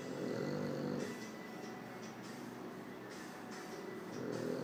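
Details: One-year-old French bulldog in deep sleep after playing all day, snoring strongly.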